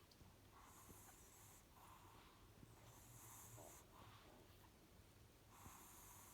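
Soft, repeated breathing noises with hissy, snuffly snoring on each breath over steady low room hum; a small dog snoring.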